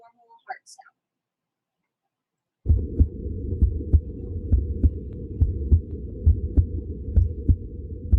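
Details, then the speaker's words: Regular low heart thumps at around 66 a minute with ordinary paired first and second heart sounds; normal heart sounds. "so here's a regular heart sound all right this is just normal"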